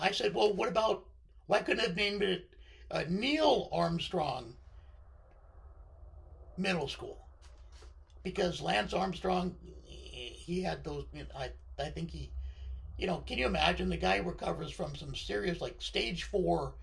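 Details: Adult man with left-sided vocal cord paralysis following surgery, limiting voice control; pitch varies from very high to baritone and is sometimes scratchy; vocal cord paralysis.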